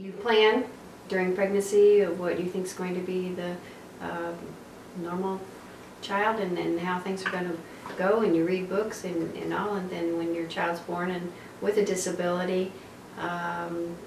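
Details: Adult woman speaking; typical adult speech.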